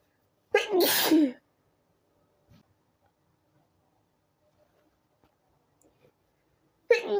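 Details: After stifling earlier sneezes, the person lets them out: one loud, open sneeze, then quiet, and the start of another sneeze at the end; the sneezes grew stronger each time.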